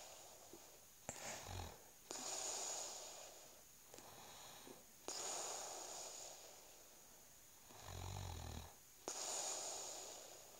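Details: Husband snoring during sleep: rough, noisy breaths in and out with low rattling snores on some breaths, about 20 breaths a minute.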